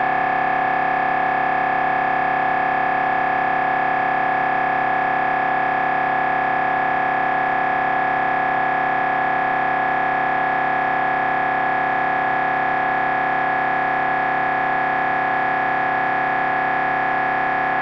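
Loud, steady, rapid mechanical buzzing with a constant pitch, typical of an MRI scanner running a brain scan sequence.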